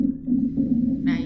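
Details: Rhonchi heard on chest auscultation in a clinical respiratory auscultation teaching session.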